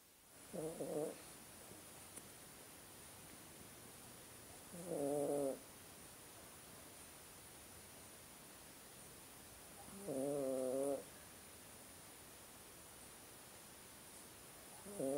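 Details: Cat snoring with eyes open: three slow, rhythmic, buzzing snores about five seconds apart over a faint steady hiss.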